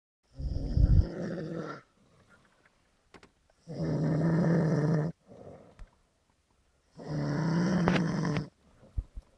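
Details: Kuzya, asleep in a car after a festival, snores loudly: three rough, rumbling inhalations in a slow regular rhythm, about 18 a minute, with quiet pauses between; heavy snoring.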